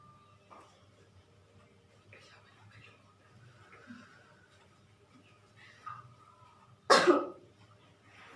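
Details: A nursing student demonstrating deep breathing and effective coughing with a woman patient, done after three deep breaths to clear secretions: one strong deliberate cough after quiet breathing and low speech.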